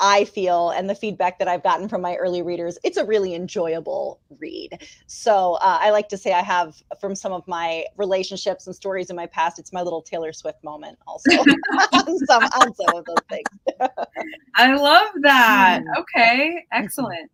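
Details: Adult women in conversation; ordinary speech.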